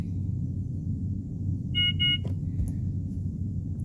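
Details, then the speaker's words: Two short high beeps over a low rumble as a Respironics BiPAP ST noninvasive ventilator enters setup mode after both buttons are held, before its mode is changed to CPAP. "And again, if you want to go back into the setup, press and hold the 2 buttons until it beeps, and then you can go and change."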